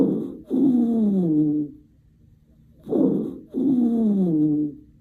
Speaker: wheezing key word here is musical it's a continuous sound produced by narrowed Airways think wheezing whistle like a musical